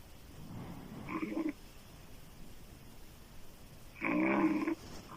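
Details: Adult woman snoring loudly with open mouth: two harsh snores about three seconds apart with quiet breathing between.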